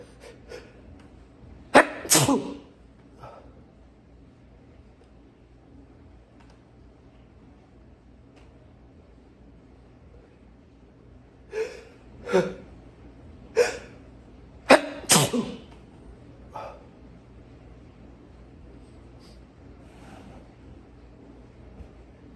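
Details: A long sneezing fit: a run of big, loud, forceful sneezes in quick bursts with quiet breathing between them.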